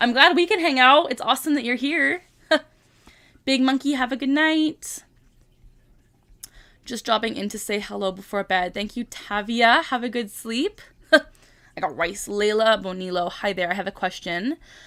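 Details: 25-year-old woman with Tourette syndrome, tics since early childhood, diagnosed at 12; repeated vocal tic phrase interrupting ordinary speech; vocal tic (Tourette syndrome).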